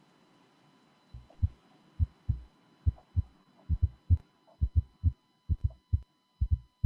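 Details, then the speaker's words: Quadruple gallop: heart cycles with first and second sounds plus an extra fourth sound just before the first sound and a third sound, after a few normal-sounding cycles. "but before the first there's something more is the fourth here is the fourth is the fourth"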